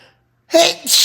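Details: A single loud, explosive sneeze after a brief quiet pause, then a short breathy exhale, from an adult with a cold, nasal congestion and a developing sinus infection.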